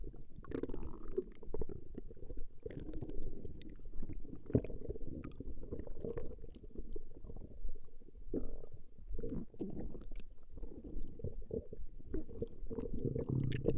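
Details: Recording of a woman's stomach growling: continuous low gurgling and rumbling from the belly with irregular bursts; ordinary borborygmi.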